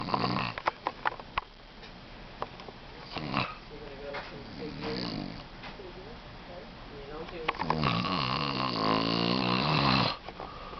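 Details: Loud, rough snoring from a sleeping adult man, with a long rattling snore toward the end and a few clicks and shuffling noises.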